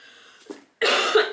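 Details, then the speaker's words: A faint throat sound, a pause, then one loud harsh dry-sounding cough from an adult woman who says she can't stop coughing. "Combien de pages il fait pardon, excusez-moi, oui, j'arrive pas à m'arrêter de tousser, écoutez."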